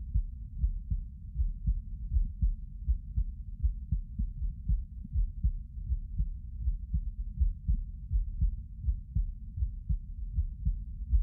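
Steady low thump-thump heartbeat at about 80 beats a minute, muffled and deep.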